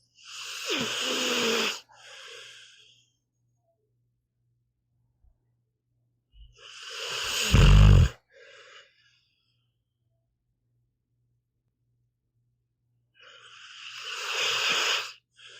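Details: Snoring in a sleeping pit bull dog, audio only: loud rasping snores with short snorting exhales, about nine a minute, with quiet pauses between.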